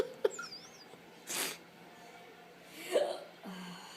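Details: Persistent hiccups that sound painful: brief, abrupt catches of breath with short voiced squeaks, several within four seconds.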